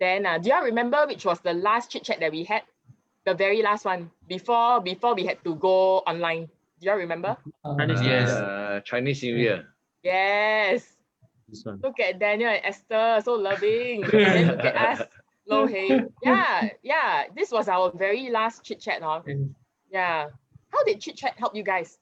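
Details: Adult speaker addressing a small group; ordinary speech.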